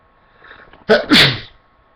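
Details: Sneeze provoked by tickling inside the very sensitive left nostril: a short inward breath, then one loud, wet, explosive sneeze in two bursts.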